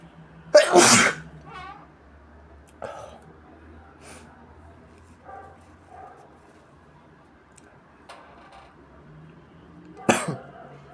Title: induced sneezes with a nose blowing in the end